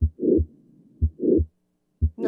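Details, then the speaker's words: Mitral valve prolapse murmur: heart sounds with a loud, rough systolic murmur after the first sound, as the valve moves back and blood flows in the opposite direction. "so in our case here we're dealing what's what's known as mitral valve prolapse so the valve is moving back onto itself so that means blood is going to move in the opposite direction creating a murmur"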